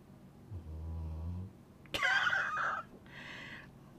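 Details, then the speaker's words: Snoring from a female sleeping under a desk, likened to a truck driver's snoring, heard during a craft video. "can you hear her snoring I'm going to be quiet for a minute listen"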